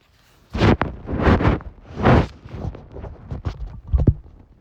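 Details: Stomach noises recorded while having a cold: loud low gurgling and rumbling bursts, then a series of shorter bubbling pops; bowel sounds, stomach rumbling.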